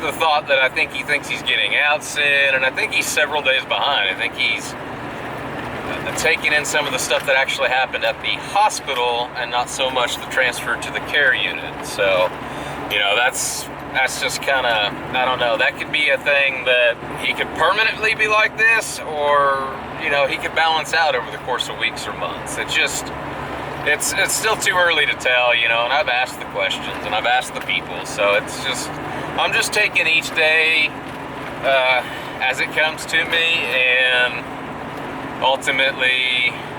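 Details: Adult male speaker; normal speech.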